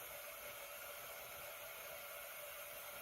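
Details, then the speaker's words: Steady loud hiss of oxygen turned up to 15 L/min to hyperoxygenate a gurgly tracheostomy patient with SpO2 87–88% before tracheal suctioning with a flexible catheter; high-flow oxygen hiss. "So, I'm going to go ahead. I'm going to hyper oxygenate. So, I'm turning him up to 15 L."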